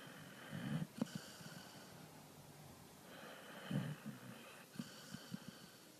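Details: Dog in deep sleep with eyes rolling and twitching: soft snoring breaths broken by short nasal snorts and sniffs; snorting and snoring.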